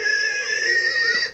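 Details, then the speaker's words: Real anaphylactic reaction in a woman, before she self-injects an EpiPen: high-pitched, steady whistling stridor on strained breaths as her swollen airway constricts. "anaphylaxis is a severe allergic reaction that can cause the airway to swell and become constricted making it very difficult to breathe"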